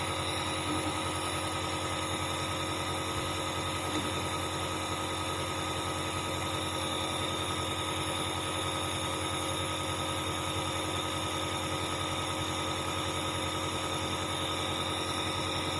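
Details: Dr Trust compressor nebulizer running, reviewed after about a week of use; steady mechanical hum and buzz of the compressor.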